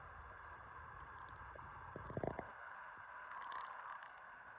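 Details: Short gurgling and popping abdominal noises over a steady background hiss, typical ordinary stomach growling; bowel sounds (borborygmi).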